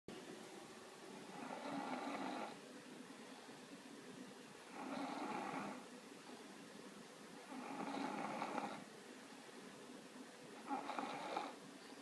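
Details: Snoring in a 2-year-old child: steady, fairly loud raspy snores on each breath, about 20 a minute, in a quiet room; loud enough to be heard through a closed door from the living room.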